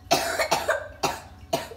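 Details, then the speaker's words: Young boy, just woken in the morning, with a nasty cough and a sore belly: four sharp, harsh coughs in quick succession. "belly hurts as well he's got a nasty cough"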